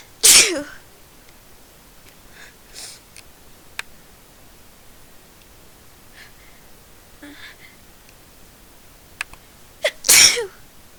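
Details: Attempt to sneeze thirty times in a row: two loud sneezes, one at the start and one near the end, with quiet breaths and small sounds between; repeated sneezing.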